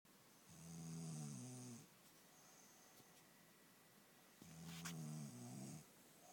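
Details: Woman who says she never snores, snoring: two low, buzzing snores about four seconds apart with quiet breathing between.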